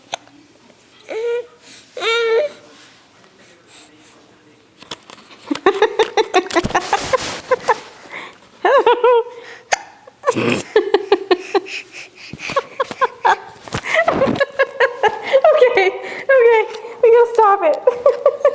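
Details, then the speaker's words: Baby with hiccups: repeated short, abrupt voiced catches, with an adult voice and laughter around them. "hi who hi I figured I'd get you because you're you're hiccuping hello hello"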